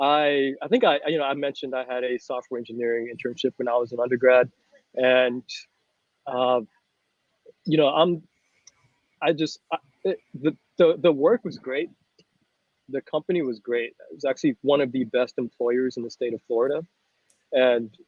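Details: Mild persistent adult-onset stuttering in an adult man, about 98-99% fluent, with blocks on only a few words.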